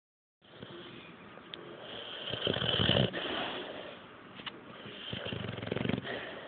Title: Jager snoring!